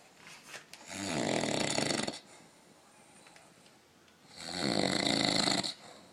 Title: Old man snoring